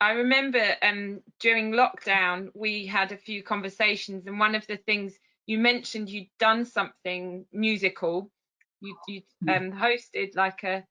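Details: Adult woman speaking; Normal speech.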